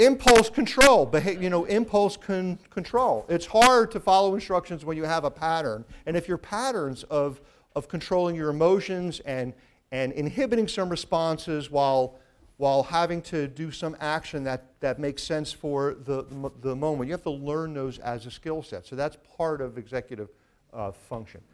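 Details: Adult man with a severe stutter since childhood, also present in his father and brother, who saw a speech pathologist from age nine; now mild, with audible repetitions of words and phrases; stuttering.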